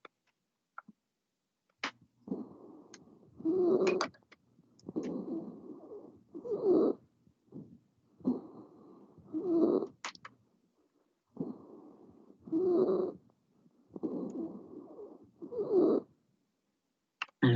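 Harsh, noisy breaths with a coarse tonal edge on each phase, about 20 breaths a minute: stridor from upper airway narrowing.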